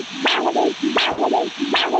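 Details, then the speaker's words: Normal arterial Doppler signal heard during ABPI (ankle-brachial pressure index) assessment: forward and reverse flow with a third phase also present. "got forward and reverse flow, and there's also a third phase there."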